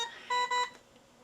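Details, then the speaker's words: Newport HT70/HT50 transport ventilator in SIMV volume control mode, low pressure alarm set at 6: two short, clear electronic beeps of the low pressure alarm during ventilation. "okay so we have a little bit of a problem with our low pressure alarm let's go check our alarms"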